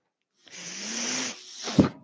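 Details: The podcast host's own mechanical ventilator, heard while he speaks: a steady mechanical whoosh with a faint rising motor hum lasting under a second, then quieting to a soft thump, ventilator breath delivery.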